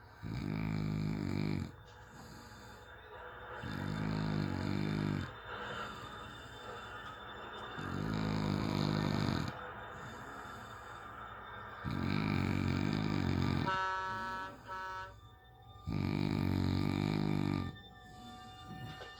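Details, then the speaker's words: Sleeping man, recorded by a partner who can't sleep and remarks it's what you sound like when fat: loud, rattling snores on each in-breath about every four seconds, quieter breathing between; heavy snoring. "expect me to sleep with this shit? Oh my goodness. This is what it sounds like when you fat."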